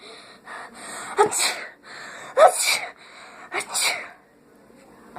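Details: Three loud sneezes in quick succession, each with a sharp in-breath, done with eyes open; the person says they feel lightheaded and may be faking them. Sneezing.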